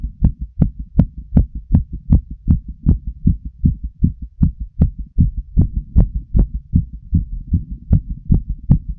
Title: Full female heart auscultation while smoking a cigarette 🚬